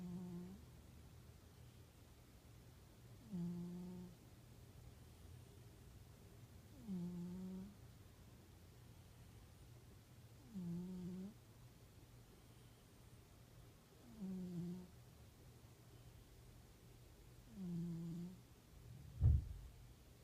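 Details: Rocky, a cat, asleep: six regular, low, rumbling snores about every 3.5 seconds, roughly 17 a minute, in a quiet room; plain snoring.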